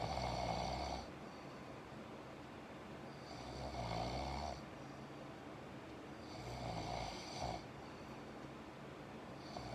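Rough, vibrating breathing noises in a slow, regular rhythm during sleep; snoring.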